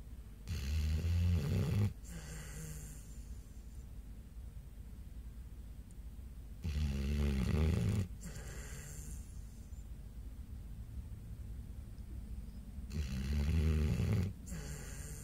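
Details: Pit bull dog, possibly dreaming, snoring while asleep: loud, low, rattling snores on each in-breath, about three in fifteen seconds, with quiet breathing out between; snoring.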